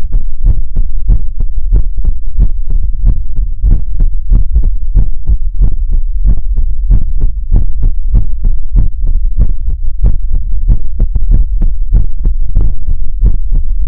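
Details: ASMR livestream heartbeat sound for relaxation: loud, deep, regular thumps, roughly 130 a minute, with heavily boosted bass; heartbeat.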